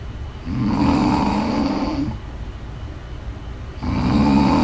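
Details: Ordinary loud snoring: a rough, rattling snore on each breath in, with quieter gaps between.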